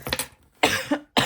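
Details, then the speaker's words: An adult woman's lingering cough after an illness that left her hoarse and briefly unable to speak; she has bad fall allergies; cough. "Excuse me. I still have a little bit of cough as well. That will not go away."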